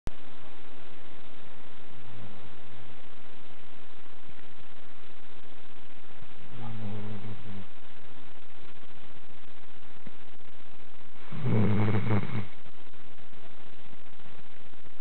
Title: A snoring dog